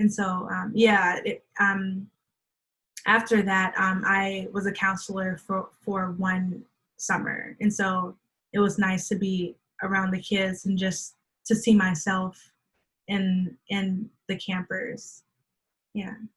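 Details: Adult woman who stutters, onset at age three, speaking in a conversational interview; real stuttering.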